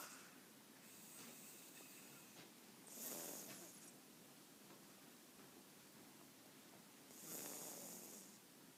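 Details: Person snoring loudly, likened to a pig: two loud, hissing, noisy breaths about four seconds apart over steady room noise, roughly 14 breaths a minute.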